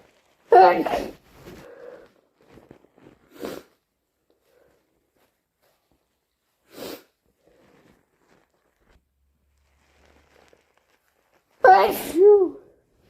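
Several sneezes, two loud and forceful with sharp onsets, others softer, separated by sniffs; repeated sneezing as in hay fever.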